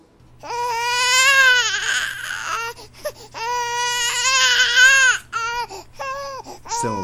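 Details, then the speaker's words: Small baby crying in long, rising and falling wails separated by short catch breaths, with a faint steady hum, played as a sample sound; infant cry. "ouvindo O Choro de uma criança de um bebezinho cá para nós né esse choro é encantador"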